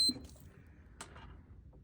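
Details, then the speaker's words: Infinity enteral feeding pump being set up for a student's feed: a brief high electronic beep as the on/off button is held, then faint clicks and room noise as the pump switches on. "next you'll want to turn your pump on hold the on SL off"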